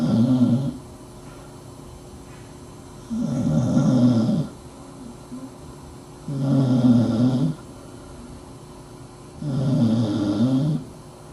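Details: Dachshund snoring under the desk: regular rumbling snores on each breath, about 19 a minute, with quiet gaps between.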